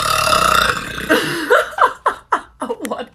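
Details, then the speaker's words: Woman deliberately burping after sucking air into her belly: a long voiced belch followed by a rapid series of short burps, about four a second. "so I start with like sucking in air so like when I do it I go like so it's like that I just like suck it in my belly somehow"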